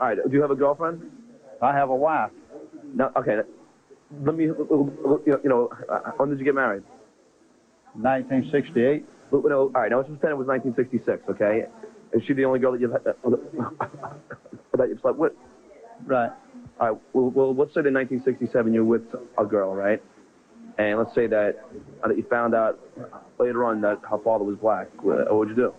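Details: Adult man who has stuttered since second grade (childhood onset), speaking in an interview; stuttering.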